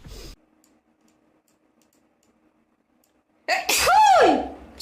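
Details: Girl gaming, announcing she needs to sneeze: a single sharp, high-pitched sneeze after a quiet pause, ending in a falling squeal-like vocal tail.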